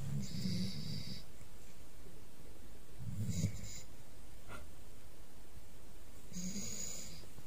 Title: Cute puppy snoring #shorts